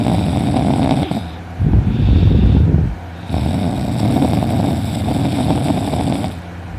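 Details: Person snoring loudly after sleeping in, later with a sore throat: loud, rough snoring with long low rattling breaths and brief pauses between; heavy snoring.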